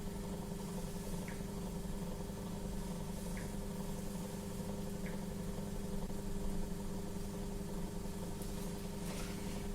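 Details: Suction machine running: steady motor drone with a low hum during a nursing-school demonstration of oro-nasopharyngeal suctioning of the upper respiratory tract.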